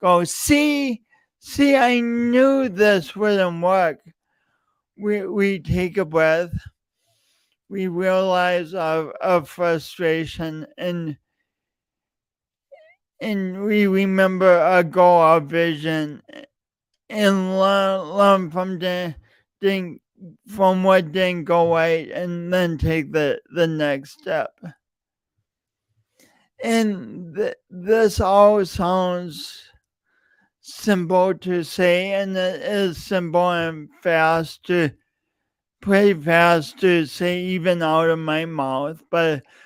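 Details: Real, self-reported speech impediment in an adult male, present for years and heard whenever he speaks; stuttering.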